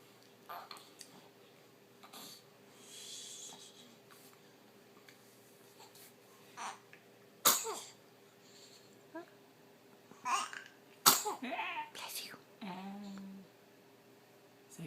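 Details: Two sharp, explosive sneezes against quiet room noise and soft vocal sounds in the morning.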